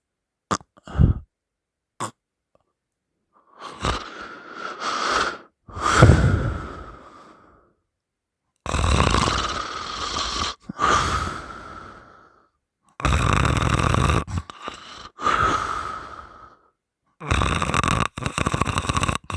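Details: Loud, harsh, rattling open-mouth snores in long strained breaths with pauses, heavy snoring during sleep; partner held the sleeper's nose shut three times, and the sleeper woke the third time making weird noises.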